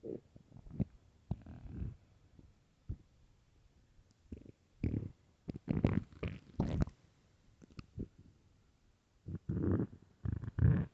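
Loud, low gurgling and rumbling bursts from the belly, coming and going irregularly; hunger stomach growling, a normal bowel sound.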